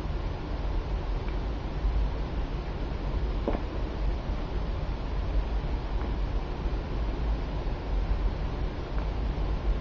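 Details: Four faint, brief infant hiccups, regularly spaced about every 2.5 seconds, over steady background rumble, after the baby drank his lunch a bit quickly.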